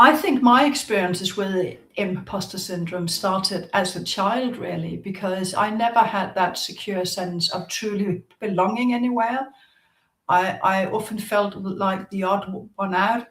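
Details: Stuttering since childhood in an adult woman, audible in her speech.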